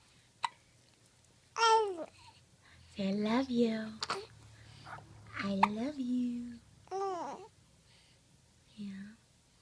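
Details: Infant with happy hiccups; babbling and squeals broken by short sudden catches of breath, with Spanish-speaking voices nearby; hiccups.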